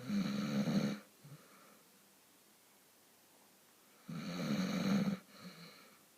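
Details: Person or animal snoring: two loud, harsh rattling snores about four seconds apart, each followed by a short soft breath out; heavy snoring.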